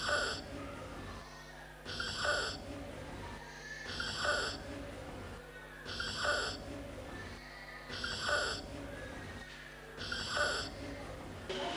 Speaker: We heard a harsh noise when was breathing in. Therefore, we decided that does have stridor.